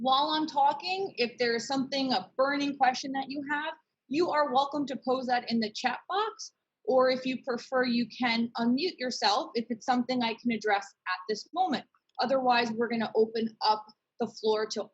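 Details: Adult woman; typical speech.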